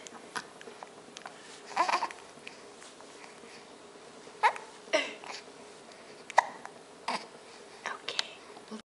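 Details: A baby boy with hiccups: about six sharp, brief hiccup sounds at irregular intervals over nine seconds, with faint background chatter: hiccups.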